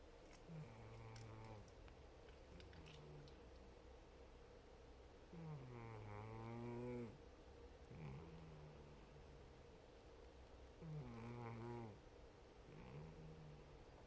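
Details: Sleeping dog snoring: rhythmic low snores with a whistling, wheezy edge, about every five seconds, over a steady room hum; very sleepy when woken.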